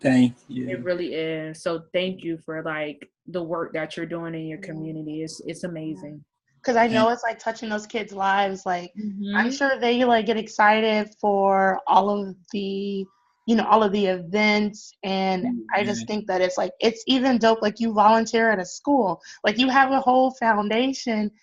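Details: Adult woman speaking; normal speech.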